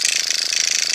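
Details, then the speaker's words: Microneedling pen buzzing fast and steadily with rapid regular ticks, used by a woman over 50 on her own cleansed, bare facial skin; she says it doesn't hurt. "I just kind of want to get it accomplished and you don't use this machine all this I use my manual it really does not hurt ladies"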